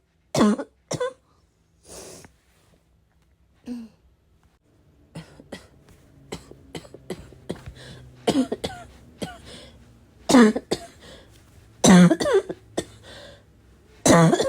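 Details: Heavy, harsh barking cough in a smoker who vapes, unsure whether from the vape or getting sick: repeated bursts with throat clearing and snorting between them.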